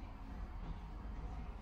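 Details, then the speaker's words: Adult imitating snoring on request during flexible nasal endoscopy for snoring and sleep apnea, with a childhood adenoid problem in the past: low, rumbling, fluttering imitated snore. "çocuklukta geniz il sıkıntı olmuş geçmiş horlar gibi yapın bakalım"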